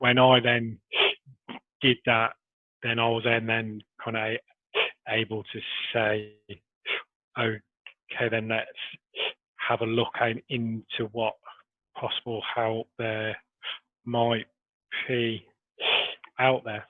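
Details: Adult man who has stammered since early childhood, with blocks and repetitions persisting despite Starfish Project technique; stuttering.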